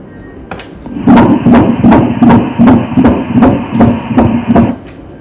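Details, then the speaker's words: Fast, regular whooshing pulses at 158 beats a minute, described as rhythmic: fetal heartbeat on first-trimester screening ultrasound, a normal fetal rate. "серцебиття ритмічна частота 158 ударів на хвилину"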